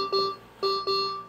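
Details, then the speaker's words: Repeated bright two-tone electronic beeps, three in about a second: mechanical ventilator alarm for volume above the set limit in a sedated, intubated patient who is waking, before switching to pressure support. "Aí ele tá me alarmando, ó. O volume tá alto."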